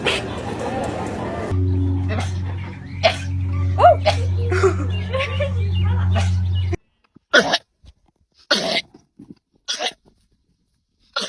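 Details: Several short, sharp snorting bursts from sheep in a compilation of sheep sneezing repeatedly, with a low steady hum and music in the first half; sneezing.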